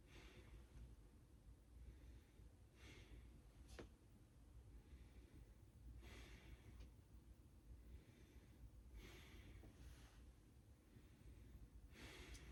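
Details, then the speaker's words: Normal clear breath sounds, equal bilaterally, heard by stethoscope during a nursing head-to-toe assessment as the patient takes slow deep breaths at front and back sites; soft rushing air, no added sounds; no recent breathing difficulty or asthma history. "on both sides, the lungs sound clear and equal bilaterally. So that's what we want to see."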